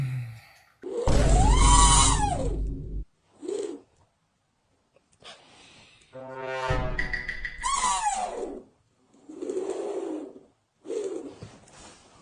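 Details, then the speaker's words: Loud rattling snores with harsh snorts and quiet pauses from a sleeper wearing an anti-snoring tape, mixed with music and laughter; snoring. "Yo sé que esta cinta es muy buena y que dicen que sirve para los ronquidoso."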